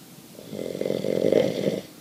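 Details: Man (the dad) asleep, lying with the light on, snoring loudly: a single rough, rattling snore on an in-breath, building to a loud peak and fading, with a loud snort and room background.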